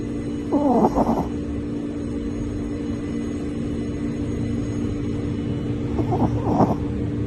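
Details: Shih Tzu dog snoring in deep sleep: two squeaky, whistling snores about 5.5 seconds apart over steady room hum.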